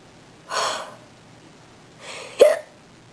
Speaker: um I've had hiccups all day and it's starting to hurt